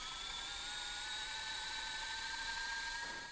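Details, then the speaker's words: Surgical power drill with a 2.5 mm bit: a steady high-pitched motor whine as it runs continuously, drilling to the laser line to prepare the base of the middle phalanx during a hammertoe correction with a PIP implant. "so now we're going to go ahead and utilize the 2.5 millimeter drill to prepare the base of the middle phallics and we'll drill down to the laser line on the drill"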